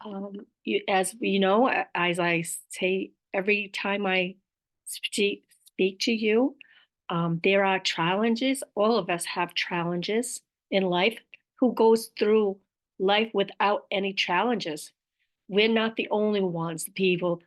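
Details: Aphasia with apraxia of speech in an adult woman; she describes her apraxia as a motor planning disorder in which sounds come out in the wrong order.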